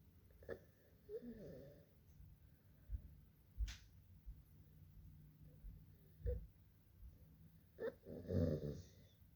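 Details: Harsh, high-pitched inspiratory stridor in a child with acute laryngitis (croup), noisy breaths recurring between bumps and handling noise, with respiratory distress.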